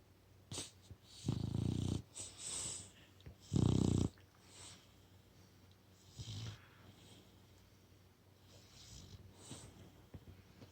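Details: Snoring in a sleeping brindle Boxer puppy after a long walk and dinner: low rumbling snores on breathing in, about two loud ones among softer snuffly breaths, faint room noise.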